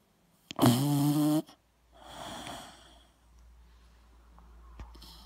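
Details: Dog snoring: one loud, buzzing, rattling breath followed by a softer noisy breath in a quiet room.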